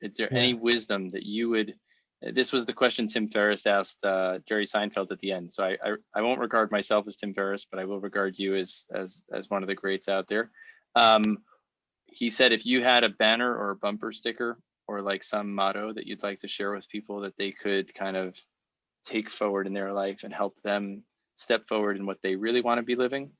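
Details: Adult male speaker; typical speech.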